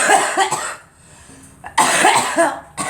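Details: Young girl gives a cluster of short, harsh coughs, pauses, then coughs again in a second burst.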